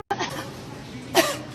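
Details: Two short, forceful dry coughs from an adult woman, with faint background noise; cough.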